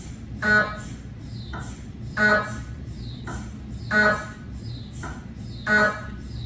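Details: Cardiac MRI sequence on a GE 3T scanner with 8-channel cardiac coil, test phantoms rather than a patient: loud rhythmic buzzing knocks about every two seconds with faint tones between; MRI gradient noise.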